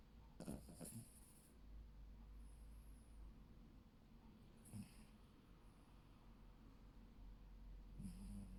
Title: Snoring Dog aka Reginal ❤️